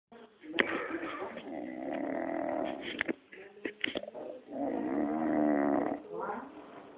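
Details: Man snoring: loud, rattling snores during breathing, separated by brief pauses and a few clicks.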